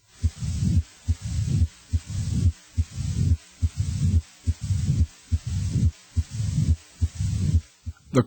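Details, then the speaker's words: Low-pitched heart murmur in a teaching example on murmur pitch: a regular heartbeat at about 71 a minute with a low-pitched rumbling murmur filling each cycle. "The pitch of murmurss is categorized as high, medium, or low."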